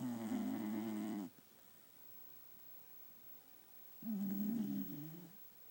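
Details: Beagle twitching and snoring while asleep at 1pm: two fluttering, nasal snores separated by a quiet pause of several seconds; dog snoring.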